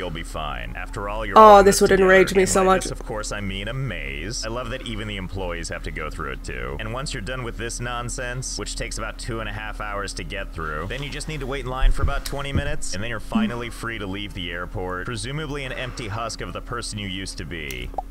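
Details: Adult speakers; no disorder.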